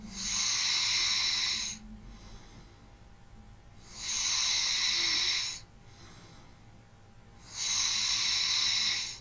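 Soft, hissing snores recur steadily, about 17 breaths a minute, separated by quiet breathing.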